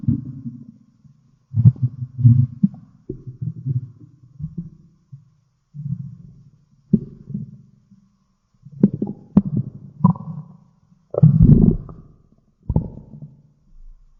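Low gurgling and rumbling in irregular bursts with quiet gaps: stomach growling, ordinary bowel sounds.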